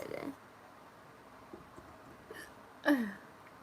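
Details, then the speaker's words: Young woman with repeated hiccups after drinking a lot of a carbonated drink, worsening despite holding her breath; sudden short hiccup sounds with sharp throat catches. "Oh my God, the hiccups."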